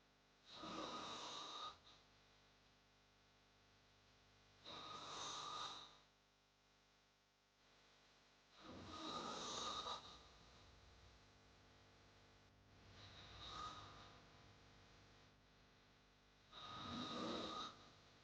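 Harsh, rattling snores on the in-breath, five over about 18 seconds (about 15 a minute), with quiet gaps between; a sound-effect recording of heavy snoring.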